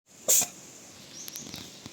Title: Cat sneezing